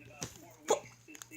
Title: hiccups